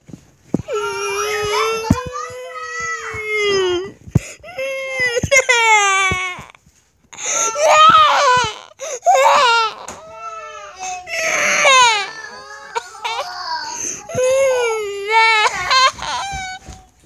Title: Baby Crying